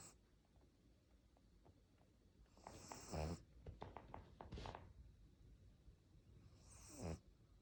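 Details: Sleeping pug snoring: soft snorting snores with wheezy, whistling breaths in a quiet room.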